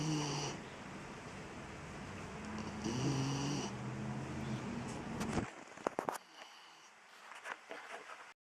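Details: A dog snoring loudly: rough, low rattling snores over a noisy background, fading into quieter breathing with a few clicks near the end.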